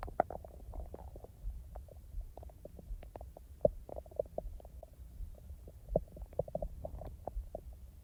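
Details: A person's own real stomach sounds, recorded not in real time: frequent gurgles, bubbling pops and soft rumbles from the belly, normal active bowel sounds (borborygmi).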